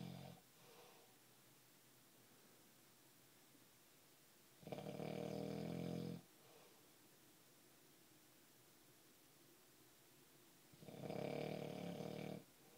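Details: Two long rattling snores about six seconds apart in a quiet room, roughly ten breaths a minute; snoring.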